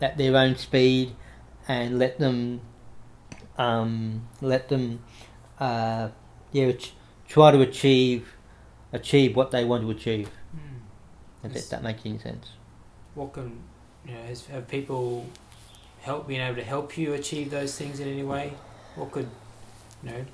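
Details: Adult man with cerebral palsy after severe meningitis in infancy, right arm and leg affected, says he has a bit of a stutter he tries to control by calming down; repetitions of words and phrases audible; stuttering.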